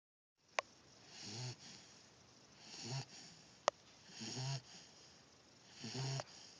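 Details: Four rapid, rhythmic snorting snores with a low flutter at the end of each breath, plus two sharp handling clicks; snoring.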